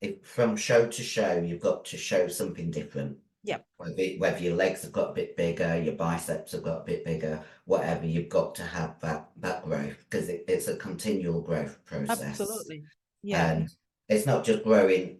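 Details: 56-year-old female bodybuilder with androgen-induced voice deepening (virilized voice) after large doses of anabolic/male steroids. Her formerly high-pitched voice is now very deep and she can no longer sing. She also has chronic kidney disease and past liver damage.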